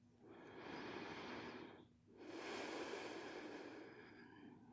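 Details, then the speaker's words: Guided relaxation breathing in a simulated sleep-clinic roleplay: one slow, deep inhale and exhale, each about two seconds, with airy nasal hiss, while the listener notices lower back expanding and rib cage moving; calm breathing. "Can you feel your lower back expand as you breathe in? You feel how the rib cage moves."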